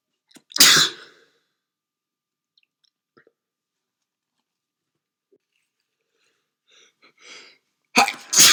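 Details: Repeated sneezing from a person who says they have a cold: two forceful, explosive sneezes several seconds apart, with quiet breaths between.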